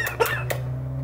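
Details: Parrot imitation of a smoker's cough: a galah gives two short, harsh cough-like bursts over a low steady room hum.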